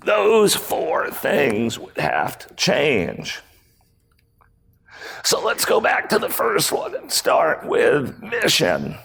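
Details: Male CEO with spasmodic dysphonia, a rare voice disorder acquired in 2010; throat muscles spasm and contract when he talks, sometimes making speaking difficult; speaking at a 2018 keynote, about eight years after onset.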